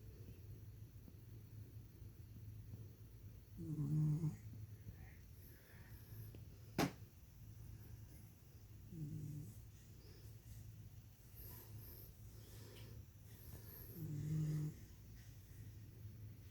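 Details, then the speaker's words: Soft, low rumbling snores recur about every five seconds against a steady low hum; a sleeping dog snoring. "Sneezy. Does he snore? I think he snores."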